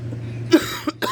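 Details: Persistent cough in a person two weeks into an illness that began with a sore, hoarse throat, runny nose, fever and headache (now resolved). The cough flares at night at bedtime. Two short cough bursts over a steady low hum.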